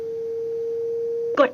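Steady pure beep lasting over a second, then the start of a voice prompt: a defibrillator's alert tone between instructions.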